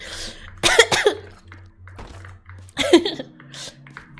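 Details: Streamer's coughing during a live stream, with sniffling noted; cough.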